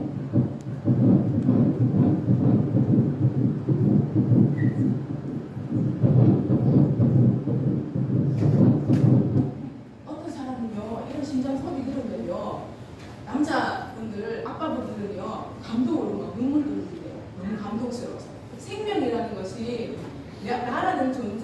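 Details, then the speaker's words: Fetal heartbeat on Doppler during pregnancy: rapid whooshing, galloping thumps at about 128 a minute, a normal rate. "자 심장 소리 한번 들어 보세요 선생님 처음에 우리 아기 심상 소리 들었을 때 깜짝 놀랐어요 정말 감동이어요"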